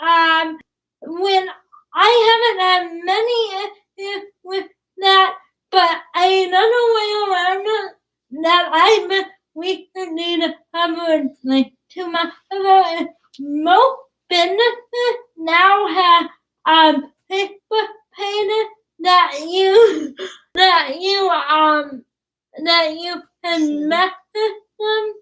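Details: Young woman with cerebral palsy who started talking late and worked with a speech pathologist on sounds such as plosives; her speech is described as sometimes hard to understand; dysarthria due to cerebral palsy.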